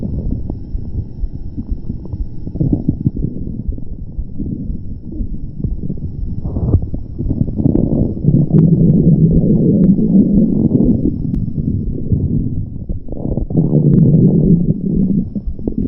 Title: vore audio (Soft, stomach growls)